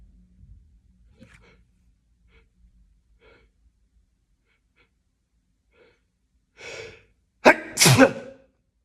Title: Sneezing fit